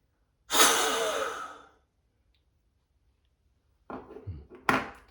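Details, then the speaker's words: Adult with asthma doing a forced exhalation into a Bluetooth smart peak flow meter, not blowing super hard, reading 588: a single hard, rushing blow of about a second, then quiet and handling clicks. "Connected, and it just says blow into the device. So off camera I'm going to do a bit of blowing. Wasn't blowing super hard, but I've got a 588. Let's blow a bit harder."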